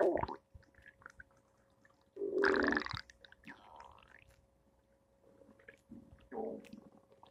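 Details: Irregular gurgles and rumbles from the belly on a Thursday morning: ordinary stomach growling, bowel sounds (borborygmi).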